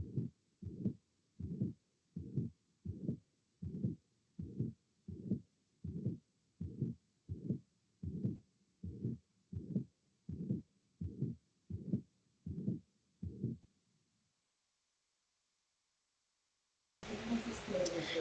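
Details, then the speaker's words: Pericardial friction rub from dry pericarditis, heard at the left lower parasternal border between the 2nd and 3rd intercostal spaces. Repeated rough, scratchy sounds at about 80 per minute, like creaking leather, caused by inflamed parietal and visceral pericardial layers rubbing together. "Listo, entonces este sonido se produce por la interposición de la capa parietal y visceral del pericardio. En condiciones normales, pues este sonido no se escucha porque digamos que estas capas se encuentran lubricadas o se encuentran lisas."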